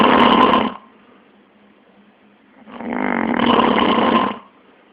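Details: Man snoring during sleep, labelled sleep apnea: two loud, rough, buzzing breaths with a quiet pause between them.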